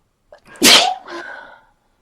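A short indrawn breath, then one sharp, explosive sneeze with a trailing vocal release; a single sneeze during a cold.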